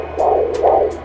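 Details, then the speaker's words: Rhythmic whooshing Doppler pulses over a steady hum from the upper abdomen: fetal heartbeat at about 132 beats per minute, within the normal range (120 to 160). "aproximadamente marca 132 latidos por minuto que es lo correcto"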